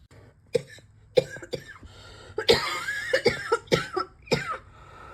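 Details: An adult whose cough is getting worse, with an increasingly bad bark, gives a run of about eight harsh, abrupt coughs with a hoarse, barking edge: barking cough.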